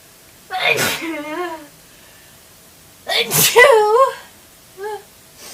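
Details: Two forceful voiced sneezes, each a sharp burst trailing into a vocal cry, then a brief sigh; normal sneezing.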